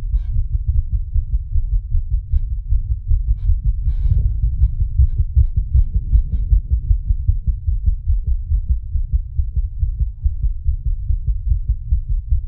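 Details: Fast, pounding low thumps at roughly 150 a minute with a muffled rumble behind, the creator's own heartbeat set to an animation of a racing, panicked heart.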